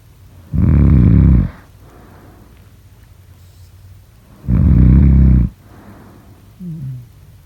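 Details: Two loud, deep, rattling snores on the in-breath about four seconds apart, quiet breathing out between; heavy snoring, around 15 breaths a minute.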